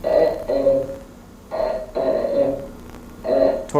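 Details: Woman with spasmodic dysphonia, false vocal cords squeezing toward midline during spasm: spasmodic dysphonia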